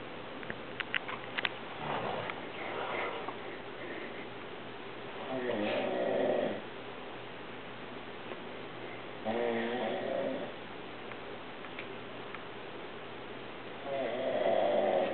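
Rough, fluttering snores recur about every four seconds over a noisy, muffled background, with a few clicks early on.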